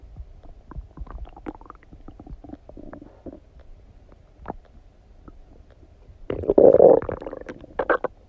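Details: Stomach noises after eating donuts: soft irregular gurgles and rumbles with a louder longer rumble near the end; bowel sounds (borborygmi).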